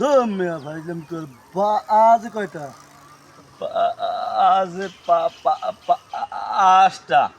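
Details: Acted stuttering by performers in a comedy skit about two people who stutter.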